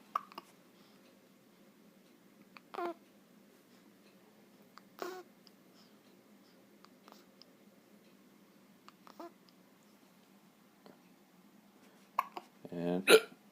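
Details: Hiccups at 4 a.m.: several short, abrupt voiced gulps spaced seconds apart, the last louder, in a quiet room; two companions both have hiccups, possibly from sausage eaten earlier.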